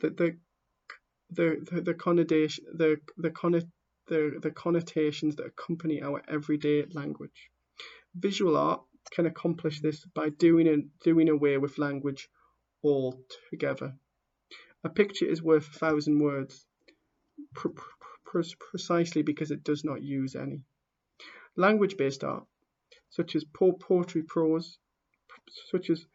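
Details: Stammering in a person who stammers, heard while reading a book introduction aloud.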